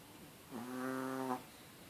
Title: Snoring chihuahua